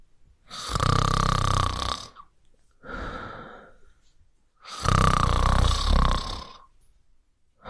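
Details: Snoring sound effect.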